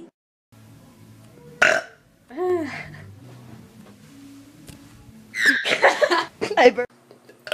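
Loud, drawn-out burps between bits of talk, with faint music in the background; ordinary belching.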